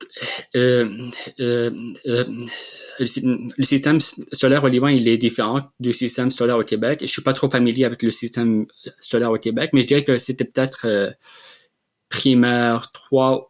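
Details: Adult man who has stuttered since childhood and has received speech therapy; stuttering.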